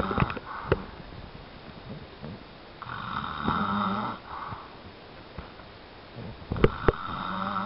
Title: my dad snoring!!!